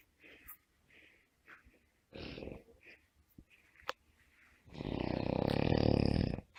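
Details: Snoring.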